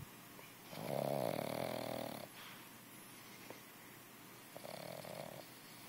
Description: Our puppy Turk fast asleep snoring louder than a man does